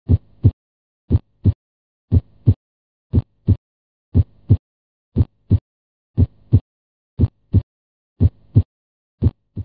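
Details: Normal heart sounds: regular lub-dub at about 60 beats a minute with clear silent gaps, the valve-closure sounds heard on cardiac auscultation with a stethoscope.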